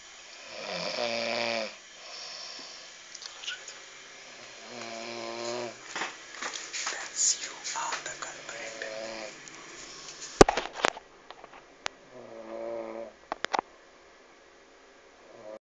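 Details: Snoring during sleep on a winter night: repeated buzzing, tonal breaths with softer snuffling between them and a few sharp knocks.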